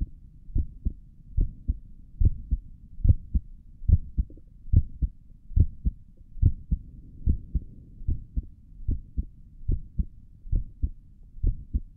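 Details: ASMR recording of the creator's own heartbeat through a stethoscope on the chest; regular paired heart sounds at about 72 beats a minute, no extra noises; stomach gurgles occur during the recording; normal heart sounds.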